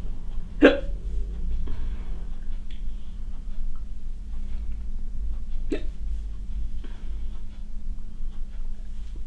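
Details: Woman with a daily hiccup condition, hiccuping during housework: two sharp, abrupt gulping hiccups about five seconds apart over a steady engine-like hum; hiccups.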